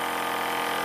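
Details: Precision EasyGo Vac PM65, a portable AC/DC medical suction aspirator, plugged into AC power and switched on: a steady buzzing hum of the running motor.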